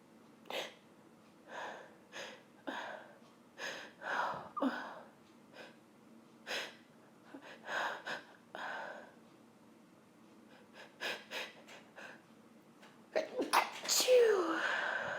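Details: Woman sniffing pepper, trying to hold back with intense nasal tickle and burning: many short sharp breaths and sniffs building to a loud sneeze at the end.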